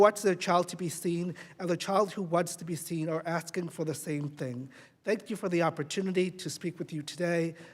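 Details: Adult speaker; normal speech.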